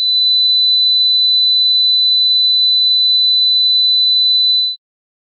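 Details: Hearing test tone meant for headphones at 50% volume: a steady, pure high-pitched tone lasting about five seconds.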